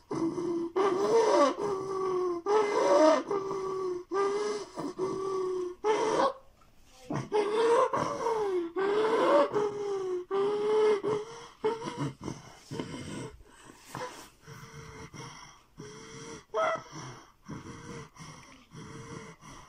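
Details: Child with recurrent seizures, end of a tonic-clonic seizure blending into recovery: repeated heaving, noisy gasping breaths with groaning, about 36 a minute, fading and becoming irregular; postictal heavy breathing.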